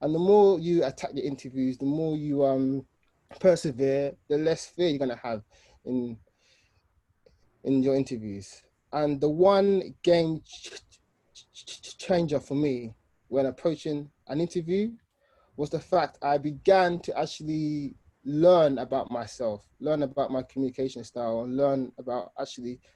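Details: Adult man, 29, with an aggressive stammer since age 3–5 who uses controlled speech and a breathing technique and still has difficulty saying his name; stuttering.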